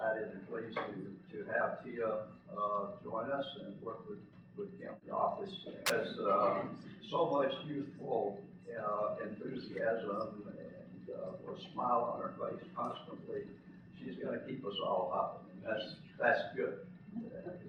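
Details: Spasmodic dysphonia in a man who lives with the voice condition himself.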